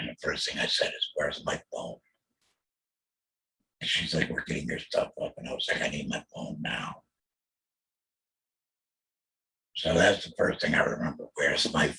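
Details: Adult male throat cancer survivor after total laryngectomy (voice box removed) in 2020, followed by chemotherapy and radiation; alaryngeal speech after total laryngectomy.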